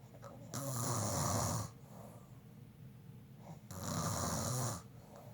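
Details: Snoring: two long, loud rattling snores with quieter breathing between them; ordinary snoring.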